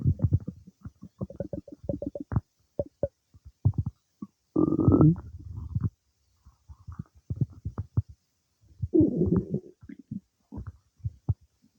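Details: Close, frequent gurgles, pops and longer rumbles: active, normal bowel sounds of stomach digestion some time after eating cake.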